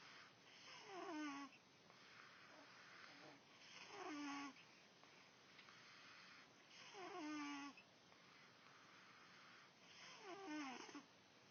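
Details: Quiet, regular snoring with a falling, whistling pitch on each in-breath, about four cycles in eleven seconds, over faint room noise.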